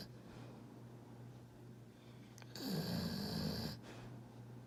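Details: A pit bull dog napping in a chair gives one loud, rough, fluttering snore on an in-breath, over a steady low background hum.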